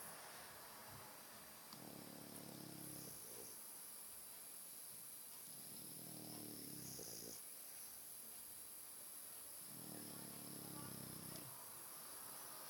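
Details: Three long, rough, rumbling snores about four seconds apart over steady background hiss; loud snoring in a sleeping French bulldog.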